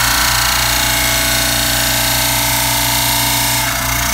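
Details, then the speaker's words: Loud continuous motor hum with rough grinding: a model trimmer grinding a stone dental cast that was wetted first so sludge stays out of the sulcus, before pindexing. "plus we use the mountain a dry model trimmer that we have up here set it on the table okay don't try and grind it up here where you're trying to hold it set it on the table"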